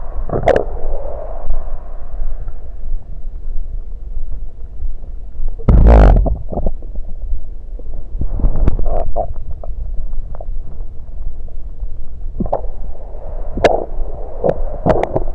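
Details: Stomach recorded while drinking soda: low rumbling and gurgling with sharp bubbly pops as swallowed soda flows in; bowel sounds (stomach gurgling).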